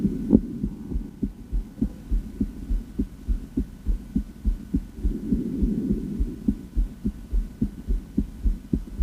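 Steady low heart thumps at roughly 100 a minute, with some hum in the background: normal heart sounds.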